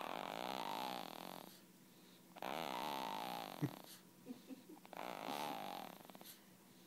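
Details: Snoring, recorded December 2011, with loud, rattling, buzzy snores on each breath and quieter pauses with small snuffles between them.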